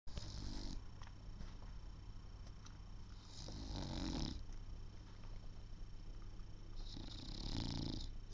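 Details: English Bulldog snoring while awake, one eye open, tongue out: low fluttering snores with a soft whistle, about three breaths in eight seconds, over faint room hum.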